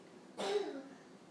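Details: A pet bird gives a single short, harsh cough-like burst, mimicking a child's cough; imitated cough.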